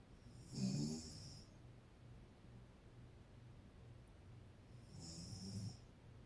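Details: Adult woman (mother) snoring during sleep: two low, rumbling snores with a hissing edge about five seconds apart, quiet breathing between.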